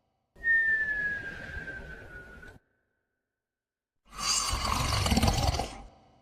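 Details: Sleeping dog snoring: two noisy breaths, the first with a thin falling whistle, the second a louder rough snort.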